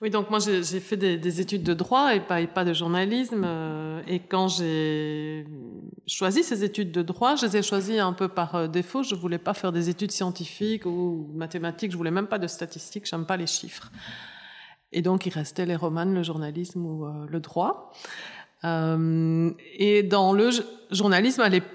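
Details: Adult woman; normal voice.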